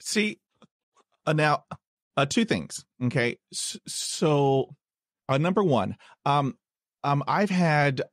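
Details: Podcast host who is a person who stutters, introducing a guest; a name is repeated before he continues; finding: stuttering.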